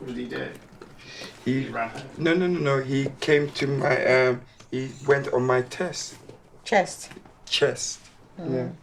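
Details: Man, former professional footballer, who had a stroke at 36 two years earlier, initially severe aphasia, still with word-finding difficulties; aphasia.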